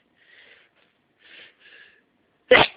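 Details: Adult with hay fever who has not yet taken the morning antihistamine: several soft breathy in-breaths build up to one sharp, explosive sneeze during a sneezing fit.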